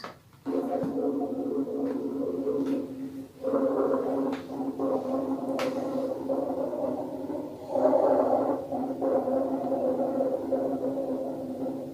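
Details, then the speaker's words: Rhonchi on lung auscultation: low, snoring, rattling breath sounds through the chest. "دلوقتي هنسمع صوت الرونكاي ساوند."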